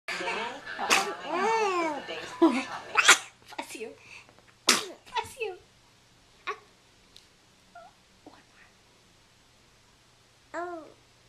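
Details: Several sharp sneezes mixed with hooting, rising and falling calls and squeaks, then softer sneeze-like bursts; recorded with a Flip Video camera.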